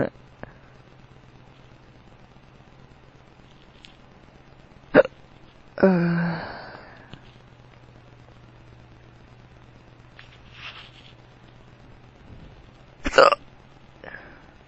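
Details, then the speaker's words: Drunk adult man with powerful hiccups that hurt his tummy: sharp isolated hiccup bursts with a longer burp-like voiced sound between, over low room hum; repeated hiccups. "I'm drunk. Oh. My hiccups sound weird."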